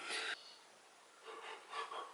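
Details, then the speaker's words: Soft snorting snoring breaths from a sleeping dog, heard after a brief loud clatter amid quiet room noise. "oh my God can you hear the dog snoring"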